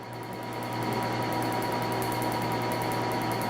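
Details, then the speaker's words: PicoSure picosecond laser firing during tattoo removal: steady machine hum and tone with fast regular clicking pulses, about four a second; 3.2 spot, second pass slightly stronger for residual black pigment, first session. "donc là je suis à 3 2 je vais passer une autre fois un tout petit peu plus puissant pour essayer d'aller chercher les pigments résiduelles entre eux que les noirs"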